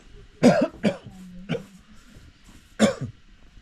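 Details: Man with a persistent cough, later seen by a doctor who prescribed medicine and an IV drip: three short loose coughs, a pause, then a fourth; persistent cough.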